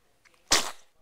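A single sudden, loud, hissing burst that fades quickly, a typical sneeze.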